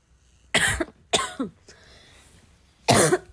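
Three forceful coughs with a softer throat-clearing sound between them: a short coughing fit.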